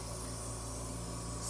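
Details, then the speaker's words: Oxygen facial four days after CO2 laser resurfacing for acne scars; a medical-grade oxygen concentrator driving a small serum nebulizer gives a steady low motor hum with a constant airy hiss. "all right so now we're ready for the oxygen and this is a medical grade um oxygen concentrator you guys probably have seen these before maybe in hospitals or whatever but this little nebulizer we can put whatever serums we want in here"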